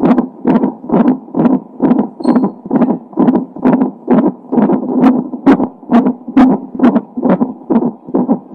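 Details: Heart sounds of a baby with Down syndrome: fast, regular whooshing heartbeat at about 133 beats a minute, as picked up by Doppler.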